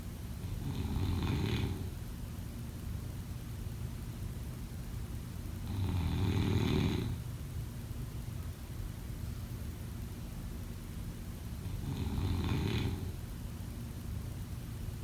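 Three low, fluttering snores about every five to six seconds, with steady background hum: snoring, roughly 11 to 12 breaths a minute.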